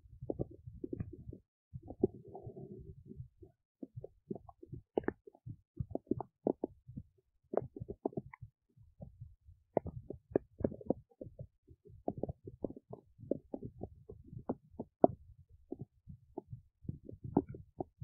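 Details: Adult woman's belly while digesting oats: frequent soft gurgles, pops and bubbling rumbles, ordinary active bowel sounds.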